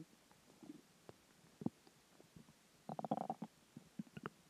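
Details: Ordinary stomach growling (borborygmi): irregular gurgling and bubbling rumbles from the belly with a louder cluster midway, from gas and fluid moving through the gut after a combination of dinner and water.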